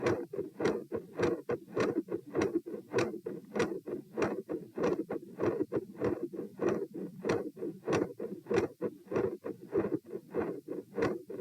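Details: Stress-test heart auscultation at position P; quick steady beats with periods of rumbling machinery murmur and sharp high-pitched clicks.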